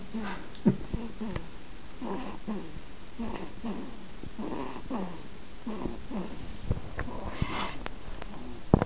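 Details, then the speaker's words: Sleeping boy whose snoring is said to be like his dad's: repeated soft, wheezy snoring breaths with a faint whistling edge in a small quiet room; snoring. "Oh, don't we wake? You were snoring, though, buddy."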